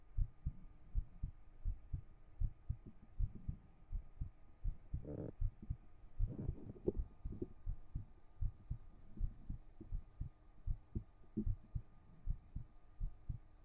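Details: Soft, regular low thumping at about 78 beats a minute with brief rustling midway, from a 3Dio binaural ASMR stream; heartbeat.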